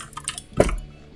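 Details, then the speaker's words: A single short, muffled explosive burst with faint keyboard-like clicks before it, heard while playing a video game: one sneeze. "reveal that sounded like an elephant dying but that's alright"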